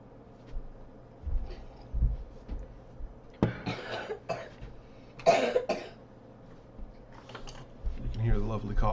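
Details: Adult, says they need coffee: several brief, harsh coughs with throat clearing in a quiet small room.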